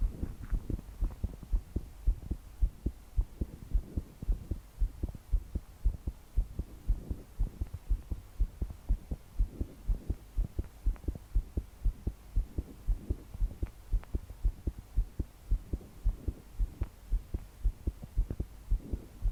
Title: Pounding heartbeat with breathing sounds (22F)